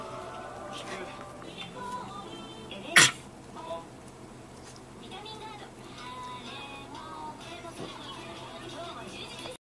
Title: 散らかっている部屋で愛犬マック咳をする